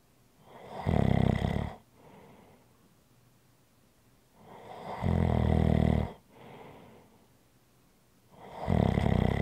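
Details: ASMR relaxation recording: loud rattling snores on each breath in, about one every four seconds, with quiet breaths out between. Ordinary snoring.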